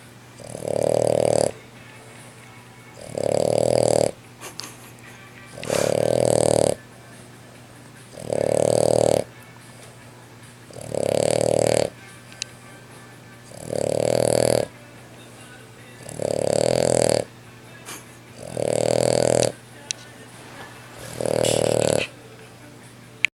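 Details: Brachycephalic dog with seizures on phenobarbital, after blood draw showing low levels: loud, regular rasping snores, about 23 breaths a minute, over a faint steady hum; snoring.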